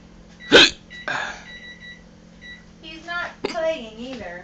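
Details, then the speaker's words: A man hiccups when a certain spot on his chin is poked or rubbed: a sudden sharp hiccup, then a second catch, then speech, over a steady electronic beep and hum. "there's a certain spot on my chin it's right about here that if it's poked or rubbed makes shaving painful annoying makes my wife laugh hysterically but it makes me hiccup"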